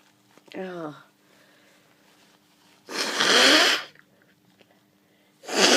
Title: Blowing with a developing cold (some sneezes)